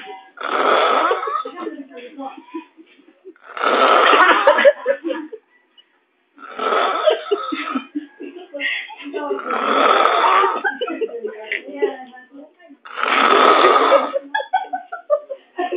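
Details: Man snoring while hungover: loud, rough, rattling snores about every three seconds, each a long harsh breath, roughly 20 a minute. Snoring.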